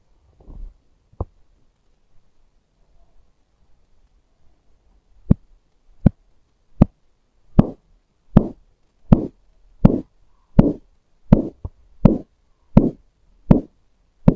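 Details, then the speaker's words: Manual blood pressure check with an arm cuff sphygmomanometer inflated to 180 and a stethoscope: sharp regular thumps begin about 80 a minute as the cuff deflates; Korotkoff sounds, systolic 130, diastolic 85. "the first time we heard a throbbing sound at 130 our systolic blood pressure is 130. the last time we heard a throbbing sound at 85 our diastole blood pressure is 85."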